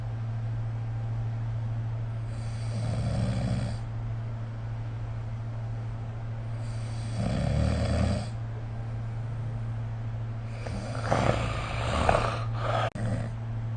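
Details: Sleep snoring recorded with the SnoreLab smartphone app: three rough, rattling snores about four seconds apart over a steady low hum, roughly 15 breaths a minute.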